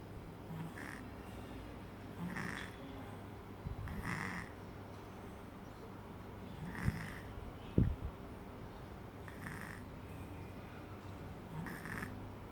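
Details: Sleeping cat snoring due to a blocked nose from a runny nose: quiet, breathy snores with soft snorts about every two seconds; snoring.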